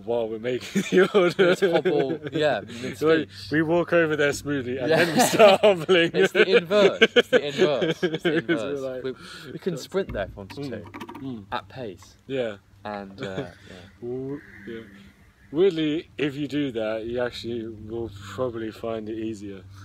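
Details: Adult with stuttering (stammer) who avoids feared words and expects to get stuck on them.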